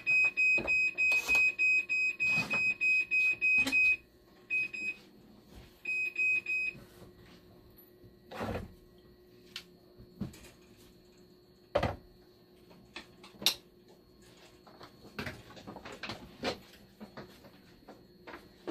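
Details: Rapid high-pitched electronic beeping for about four seconds, then brief bursts, over clicks and room noise: dialysis machine alarm for low conductivity reading 10.0, suspected acid pump fault.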